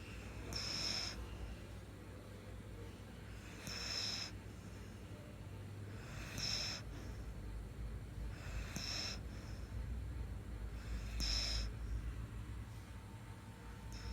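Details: Snoring in deep sleep: five short, hissing, snort-like breaths about every 2.5 seconds over a low steady hum.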